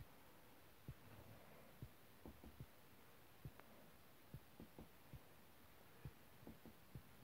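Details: Soft, regular low thumps at about 70 beats a minute under a steady hiss, heard on cardiology auscultation during a cardiovascular exam with palpation and percussion; normal heart sounds.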